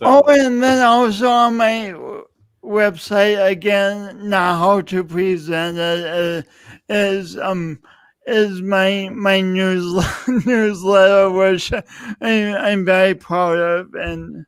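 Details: Adult man speaking; speech impediment.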